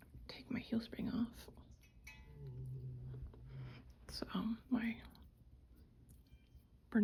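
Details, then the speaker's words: Mountain dog snoring in a quiet room: soft, rough breathing noises in slow cycles with a low droning rumble between them. "mountain dog is snoring."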